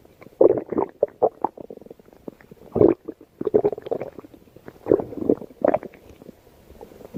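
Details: Irregular bursts of low gurgling and rumbling with brief gaps between them: ordinary stomach growling (borborygmi).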